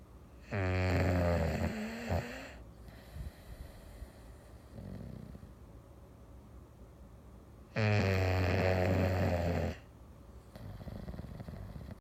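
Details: English Bulldog napping on an afternoon; loud, rattling, deep snores about every seven seconds with softer snuffly breaths between: heavy snoring in a flat-faced dog.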